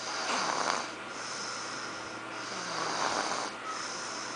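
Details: Snoring in a 19-month-old baby: soft, noisy breaths about every three seconds, with a light snoring rasp.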